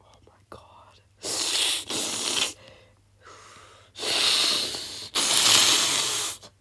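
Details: Loud, harsh, breathy gasps and rasping breaths in bursts with short pauses, sounding like struggled breathing or choking; gasping.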